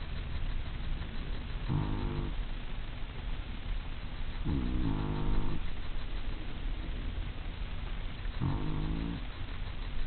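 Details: Snoring: three slow, low, buzzing snores over ten seconds, about one every three seconds, over a steady background hiss.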